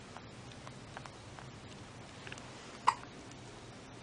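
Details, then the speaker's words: Hiccups from a newborn boy 2.5 hours old, 6 pounds 15 ounces, 21 inches long, after breastfeeding: newborn hiccups. "Oh. He's like, I'm cold and I got the hiccups."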